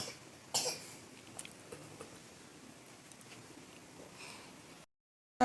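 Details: Single short, harsh cough from a patient with a bad cough, followed by quiet room noise and a faint second sound at the end.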